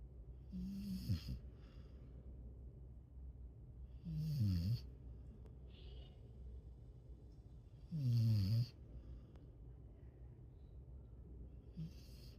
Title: Doggy snores